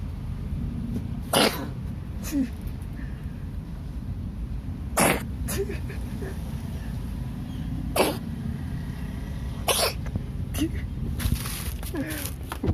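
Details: Several short, sharp hacking bursts, about five coughs, from a coughing cat over steady low background noise.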